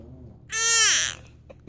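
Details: Infant girl upset by her hiccups: a single brief, high-pitched wail with falling pitch, then quiet room noise; an ordinary fussy cry.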